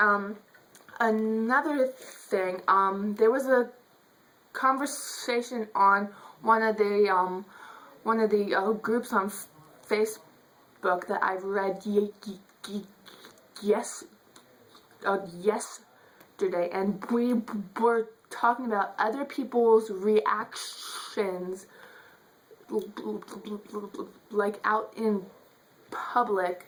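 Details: Adult woman who states she stutters; stuttering.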